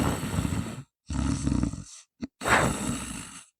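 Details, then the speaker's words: Simulated snoring: an adult lying on a pillow, head tilted back, mouth closed and breathing through the nose, deliberately pulls the chin further forward to narrow the airway, producing loud, harsh, rattling breaths with brief silences. "턱을 앞으로 더 당기겠습니다. 턱을 많이 당길수록 소음이 굉장히 시끄럽습니다."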